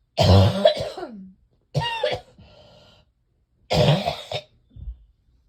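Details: Person with severe chest congestion, chest feeling like cement, coughing repeatedly: three bouts of harsh, wet-sounding coughs with throat clearing between them; chesty cough.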